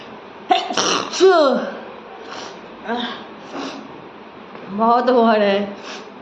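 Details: Sneezes induced with paper in a sneezing challenge: a couple of sharp sneezes with voiced, sliding cries, separated by breathy inhalations and nasal sounds, in a small room.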